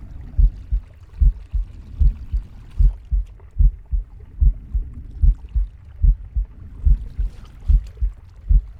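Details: Pig's heartbeat, recorded with its breathing and stomach growling: regular low thumping at about 74 beats a minute over faint soft background noise; normal heartbeat.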